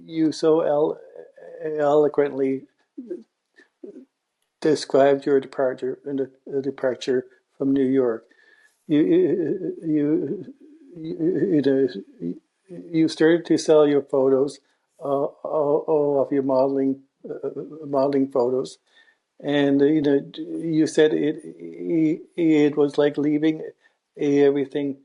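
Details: Adult man interviewing on a stuttering podcast, not explicitly stated to stutter, with frequent word and part-word repetitions heard; stuttering.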